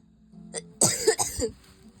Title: Coughing fit! Ouchie!!